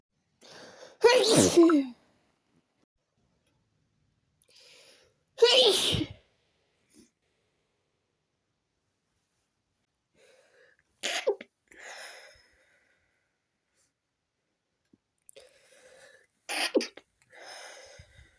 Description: Some of the sneezes were to strong to stifle